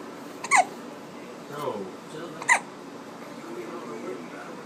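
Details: Infant boy with two sharp abrupt hiccups about two seconds apart over faint room noise and distant video-game sounds: infant hiccups.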